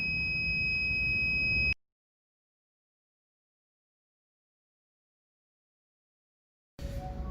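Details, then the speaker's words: BIOROHM VitalSave Graphics T1 transport ventilator demonstration: a high-pitched steady low breathing rate (low frequency) alarm sounds, silences, then returns when manual pulsing on the expired-gas outlet stops; ventilator low rate alarm. "Y si dejamos de pulsar sobre la salida de gases expirados, nuevamente aparece la alarma de baja frecuencia."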